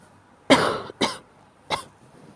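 Three short, harsh coughs in quick succession, a loose-sounding cough typical of a common cold.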